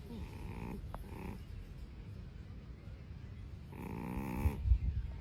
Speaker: did you know that snoring in cats is often caused by the same factors as for us humans like obesity sleep position and